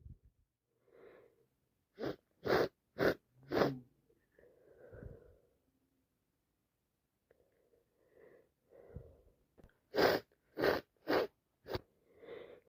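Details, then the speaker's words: Repeated sneezing from a cold plus hay fever after a park visit, hay-fever meds run out: runs of about four sharp sneezes with sniffing and breathy in-breaths; nose and eyes dripping, nose itchy. "Sneeze after sneeze. My nose is dripping. My eyes are dripping."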